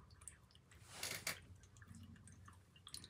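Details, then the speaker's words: Stomach growling (borborygmi) heard during a spoken reading: a brief wet, squishy gurgle, then a low rumble as gas and fluid move through the gut. "my stomach i hope you didn't hear that"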